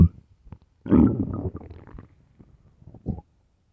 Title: starving stomach growling and rumbling part 1